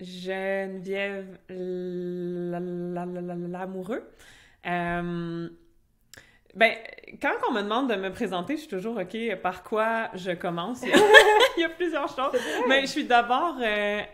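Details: Adult French-speaking (Québec) woman who stutters, in conversational speech; real stuttering.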